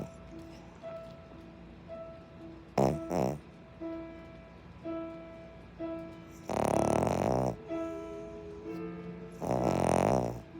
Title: playing interstellar but all you can hear is my dog snoring